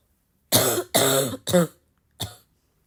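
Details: Four harsh, forceful cough bursts, three in quick succession and a shorter fourth; a repeated cough.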